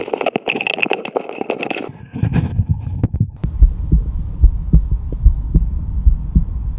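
After brief music, low regular thumps of a heartbeat through a stethoscope, about 74 beats a minute.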